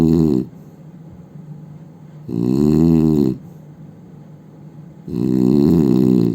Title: Indian man snoring sound